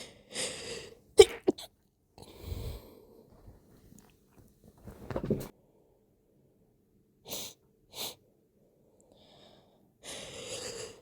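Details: Sneezing brought on by chhinkni sneezing powder, used for the first time, with the nose also stimulated by a rolled-up napkin. Several forceful sneezes, some sharp bursts and some softer or stifled, separated by sniffs and breathy pauses.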